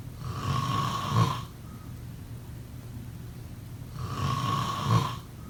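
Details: Two long, low, rattling inspiratory snores separated by a quiet pause: ordinary snoring during sleep.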